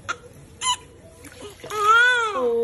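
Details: Newborn baby crying during first bath: two brief squawks, then a sustained rising-and-falling cry; normal healthy newborn cry.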